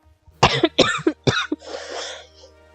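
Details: Adult now testing negative after COVID, with a lingering cough that worsens with prolonged talking: coughing fits; post-COVID cough.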